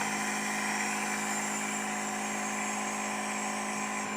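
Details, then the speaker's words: Home compressor nebulizer setup demonstration, switched on misting saline: steady mechanical hum and buzz, mist blowing out; normal operating sound. "okay now we're ready to turn it on so we're going to turn it on and you can see the Mist it's just blowing out"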